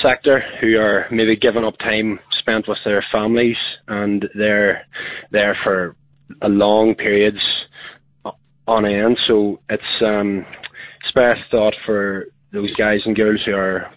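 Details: Adult man with a stammer who uses voluntary stammering, choosing which words to stammer on to control flow; stuttering.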